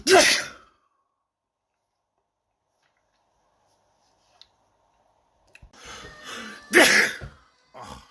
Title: World Loudest Sneezes Past Week Caught on Video